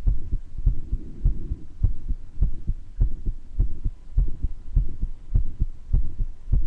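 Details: The recorder's own heart murmur, with occasional wheezes from a mild case of bronchitis: a regular heartbeat of about 100 a minute with a soft rushing sound between beats.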